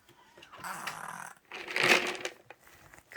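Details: Harsh, raspy snoring-like breaths, two long noisy breaths with short gaps, in a quiet room while the pet is given treats on the bed, June 14th; noisy breathing.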